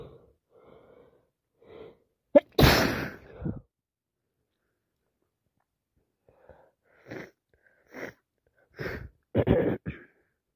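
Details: One loud explosive sneeze preceded by quiet sniffs and followed by short wet sniffs; sneezing during a common cold.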